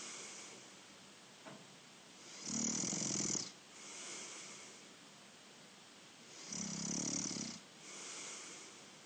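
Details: Younger brother snoring: two loud, rough, low snores on breathing in, quieter breaths out between, about 15 breaths a minute.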